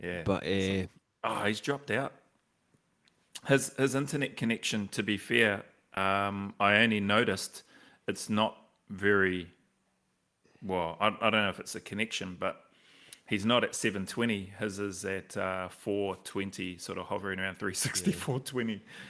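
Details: Adult man speaking; no speech disorder.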